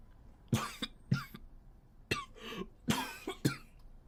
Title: japanese boy coughing 4